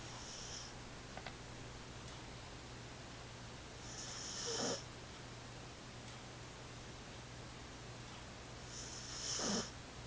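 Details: Gentle snoring in a sleeping cat, recorded on an Android phone: soft, whistling snores about every five seconds over a steady room hum.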